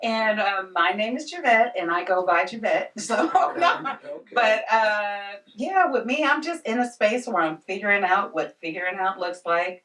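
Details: Adult woman speaking; normal voice.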